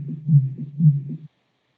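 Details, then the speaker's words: A low steady hum with rhythmic swells: a healthy electrocardiogram sonified with Python, unmodified heart sound reference; pitch would change with ST segment elevation. "esta es la genial que corresponde a un electrocardiograma saludable"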